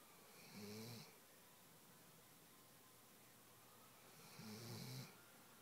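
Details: Weimaraner dog asleep on a couch snoring: two rattling, slightly whistling snores about four seconds apart in a quiet room.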